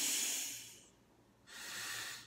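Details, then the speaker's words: Spacer whistle during a COPD inhaler demonstration of improper technique: two loud hissing, whistling, accordion-like inhalations through a spacer because the breath is too hard and fast. "if your spacer makes a musical sounds that sometimes sounds like an accordion that's improper technique you need to be careful because you're breathing too hard too fast slow down your breathing"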